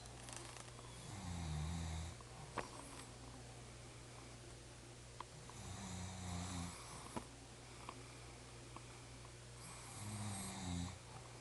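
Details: Deep, rumbling snores about every four seconds, roughly 14 a minute, over a steady low room hum. Snoring.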